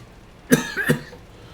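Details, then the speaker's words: Two quick, harsh cough bursts from an adult man with a sore throat after a couple of bouts of acid reflux that week; cough. "so among my indigestion issues this week I've had a couple of bouts of acid reflux which has left me with a sore throat which is why it sounds like I'm coughing up in a lung"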